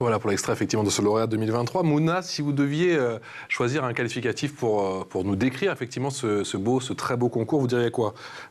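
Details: Adult male speaker; no speech disorder.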